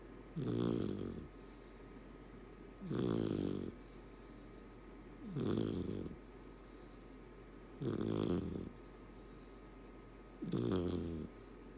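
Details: Golden Retriever puppy asleep: five regular rattling snores, each about a second long on the in-breath, roughly every 2.5 seconds; ordinary snoring.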